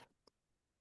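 A single brief throat-clearing sound from an adult man, a simple vocal tic of Tourette syndrome.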